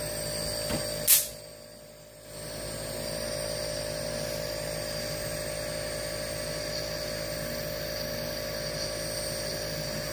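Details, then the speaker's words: Airway clearance vest machine for a child with cystic fibrosis: a click, then steady droning, rapidly pulsing hum as the chest oscillation vest starts and fills. "ready now we're going to turn on the very noisy thing"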